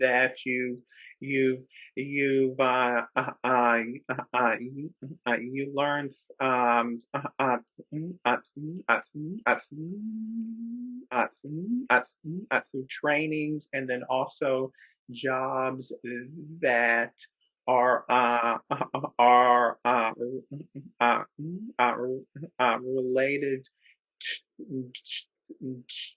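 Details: Adult man who describes himself as a person who stutters, speaking in a webinar with repetitions and filler interjections; stuttering.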